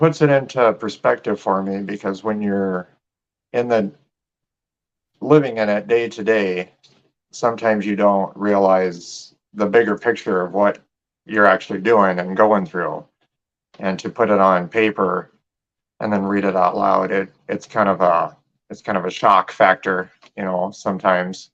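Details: Adult male speaker; normal speech.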